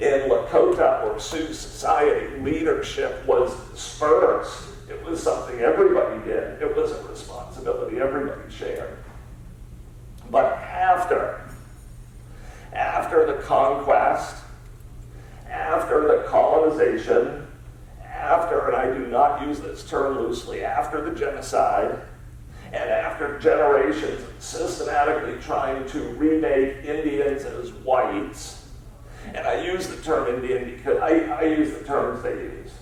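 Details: Adult man with spasmodic dysphonia, a rare neurological disorder affecting only speech, of unknown cause, treated with periodic Botox injections, speaking in a real keynote talk; spasmodic dysphonia.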